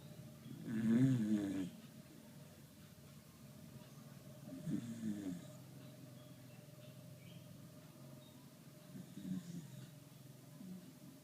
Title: Snoring dog!!!